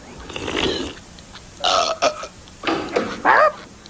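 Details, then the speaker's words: Fan-made Simpsons-style cartoon short, the burp contest continuing: several loud, drawn-out cartoon burps in a row over noisy background, followed by a parent scolding Bart; burping. "I mean Bart are you burping again maybe what is it with this burping"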